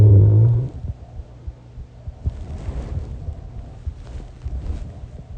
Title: Snoring and mumbling, another recording of what I did last night 😥😂